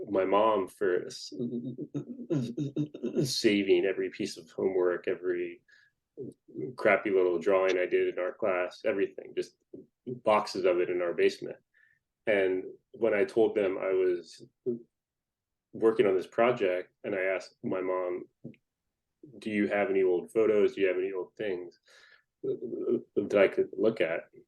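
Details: Adult man who stutters, speaking in a podcast interview: stuttering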